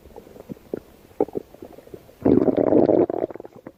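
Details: Stomach growling (borborygmi) from an adult's abdomen: irregular gurgles and pops, then a loud sustained rumbling growl.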